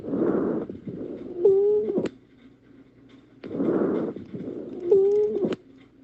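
Two breath cycles with a high, musical whistling note in the second half of each cycle: wheezes.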